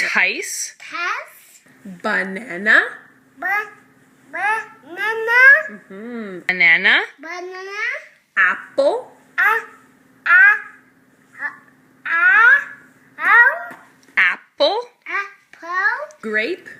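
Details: Boy about 3 years old diagnosed with verbal apraxia and a very severe articulation disorder, recorded before starting speech therapy, with about 10 very short intelligible words; childhood apraxia of speech.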